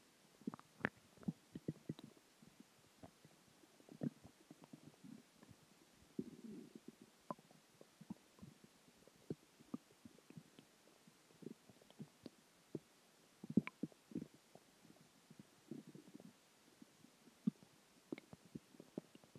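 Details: Stomach growling (borborygmi) after dinner and water, with gas: quiet, frequent gurgles, pops and short rumbles of gas and fluid moving through the bowel.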